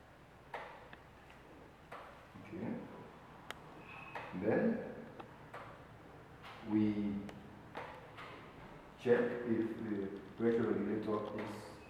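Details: Locally made mechanical ventilator from Sierra Leone, demonstrated on a test bag: clicks and repeated airy whooshes as it cycles air roughly every two seconds.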